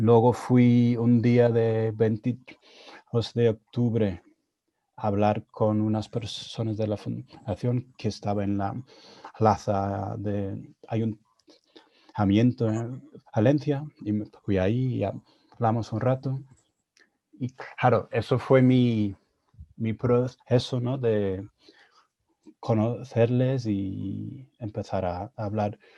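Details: Adult man who stutters, speaking Spanish learned after moving to Spain at 22; he says his stuttering was more severe in Spanish; stuttering.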